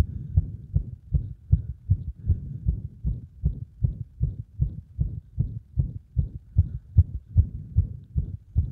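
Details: Heart sounds with frequent arrhythmia attributed to compression of the heart; fast, about 150 beats a minute, with uneven spacing between beats; irregular heartbeat.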